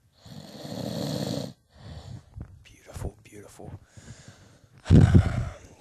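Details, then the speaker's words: An adult man sleeping, snoring loudly with low, rattling snores, quieter snorts and breaths between them, and a forceful snort near the end. "he's uh currently hibernating and if you listen closely you can hear the mating call of the wakabi here just go ahead and listen"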